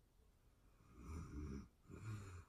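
Two soft, rumbling snore sounds in quick succession, quiet and close to the room's hiss.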